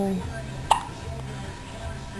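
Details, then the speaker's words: Hiccups: one abrupt, sharp hiccup sound over low background hum and faint music; belly feels kind of hard, diaphragm massage offered. "We can get rid of those hiccups for you."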